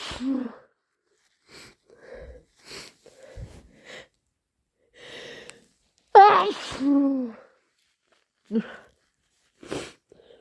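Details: Sneezing induced with chhinkni in a person with a cold: several forceful, wet sneezes with short sniffs and snorting nasal sounds between them in a quiet room.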